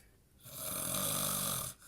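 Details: Sleeping man in a recovering addicts' house, sleep apnea mentioned: one long, loud, rough rattling inward snore lasting over a second; others call out that he is snoring.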